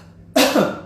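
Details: Dry cough, presented in the context of coronavirus symptoms: a single harsh cough from an adult with two quick bursts, with no wet or rattling quality.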